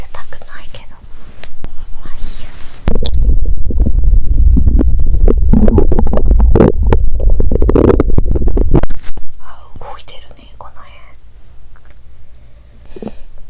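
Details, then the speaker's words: Bowel sounds about 3 hours after a meal, lying down after drinking much water: loud, low rumbling and gurgling from an adult abdomen heard as watery sounds; ordinary active digestion. ""Я выпил много воды, поэтому я слышу звук воды👂"."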